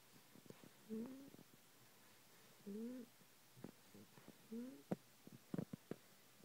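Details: 12-week-old English bulldog puppy, groggy after a long day, snoring in sleep: short tonal snores about every two seconds with faint snuffles between them.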